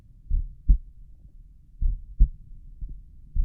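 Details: Two clear lub-dub beats with long pauses, roughly 40 a minute, slightly muffled, recorded at the tricuspid area; normal heart sounds at a slow resting rate.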